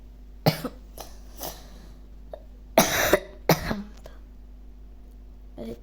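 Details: Cough in a boy who says he has a cough, heard while he plays online chess: several short, dry coughs and throat clears in uneven bursts against a faint room hum.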